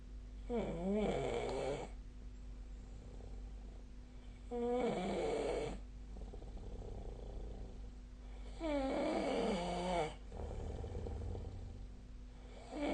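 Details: Snoring during sleep, recorded with the SnoreLab snore-tracking app: loud rattling, vibrating snores on each breath in, about 15 a minute, with quieter breathing between.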